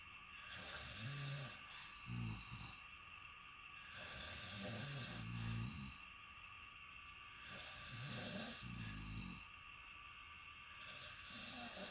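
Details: Travel companion sleeping in a shared hotel room: loud, rough snoring with rattling breaths in repeating cycles about every 3 to 4 seconds, with a steady background hum. Snoring.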